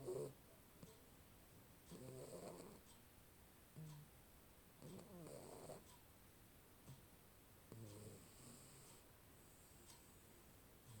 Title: Snoring mainecoon